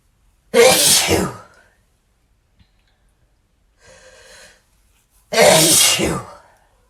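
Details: Male sneezing: two loud explosive sneezes, each with a sharp onset and fading hiss, a quiet breath between; ordinary sneezing.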